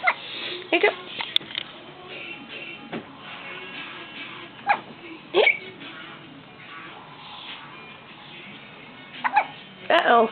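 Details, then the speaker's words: Infant hiccups: short, abrupt catches recurring irregularly over background music and an adult voice soothing the baby; hiccups. "You got the hiccups, baby. Yeah. You got the hiccups?"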